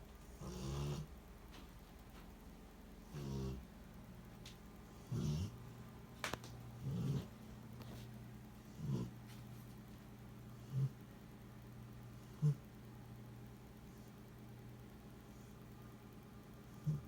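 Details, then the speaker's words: Sleeping female dog in another room snoring: soft, low snorts coming irregularly, roughly every two seconds, over a steady hum. "I can't sleep because my bitch is in there snoring like hell."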